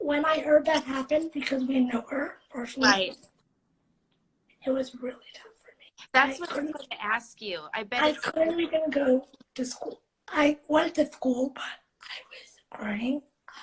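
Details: Speech in a 17-year-old female living with cerebral palsy, recorded in a real live interview; possible dysarthria.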